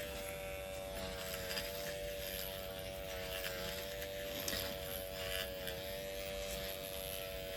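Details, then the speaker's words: Microneedling training demonstration on the bony forehead: pen set to speed two or lower of six with 0.25 mm needle length, steady high electric buzz against skin with faint room noise; microneedling pen buzz. "so we're going to turn this on I'm going to keep it on a low level so this the speed of this goes all the way up to six we're going to go no higher than two"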